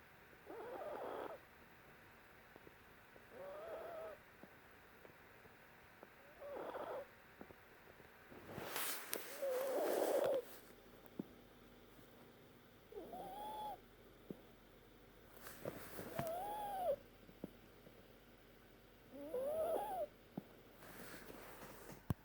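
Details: A dog breathing noisily with a musical, whistling-snoring tone on each breath, about 20 times a minute; the owner is unsure whether it is wheezing, snoring or heart failure.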